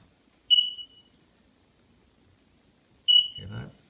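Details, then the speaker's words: Oxygen concentrator unplugged from the outlet during maintenance testing: sharp high-pitched electronic beeps of the power-failure alarm, which continues until switched off, confirming a good switch and incoming power. "let's try it yourself so we should hear a beep there we go and it'll continue beeping until you turn it off"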